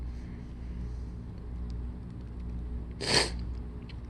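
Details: Harsh allergic sneezing fit: a single sharp, explosive sneeze over a steady low room hum.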